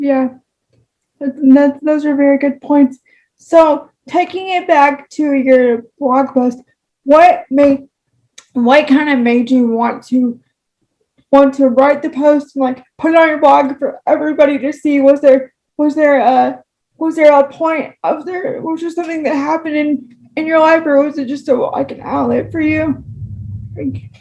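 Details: Woman with spastic cerebral palsy who says talking takes her longer; dysarthria (cerebral palsy).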